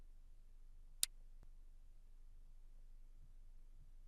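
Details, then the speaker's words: ZOLL Zenix defibrillator internal paddles, pre-use check: pressing the discharge button gives a single sharp audible click against a quiet room, then a fainter tap; normal. "Si vos palettes disposent d'un bouton de décharge, appuyez dessus pour vérifier qu'un clic audible se produit et que le bouton revient en position au relâchement."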